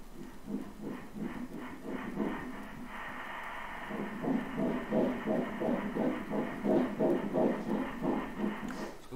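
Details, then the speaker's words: Fetal heartbeat at 9 weeks' gestation (crown-rump length 2.2 cm) on obstetric Doppler ultrasound with low mechanical index (ALARA): rapid, regular whooshing pulses about 170 a minute, normal for early pregnancy. "então aqui vou colocar o coração do nenê já deixa colocar no lugar certinho Onde tá o coração do nenê índice mecânico lá embaixo"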